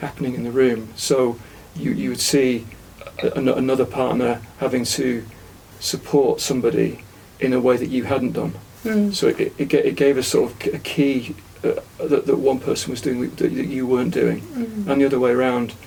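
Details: Aphasia following a stroke about a year earlier in an adult man, after taking part in a conversation-therapy group, with frequent word and syllable repetitions and restarts; aphasia.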